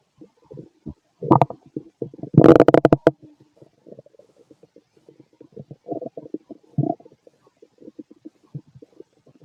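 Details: Late-night stomach growling in a male who feels gassy after eating lots of food earlier: bubbly gurgling and squeaky belly rumbles, with a louder burst of popping gurgles near the start.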